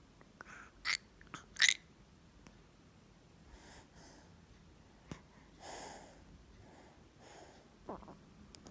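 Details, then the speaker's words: Infant on day two of a flu, with cough, cold, and mucus stuck in the chest, held upright: brief snuffly, wet breaths and snorts through a blocked nose in a quiet room; congested noisy breathing. "jadi kayak lendir atau slime-nya di dalam di CS nya itu di dadanya itu kayak apa ya nyangkut gitu loh"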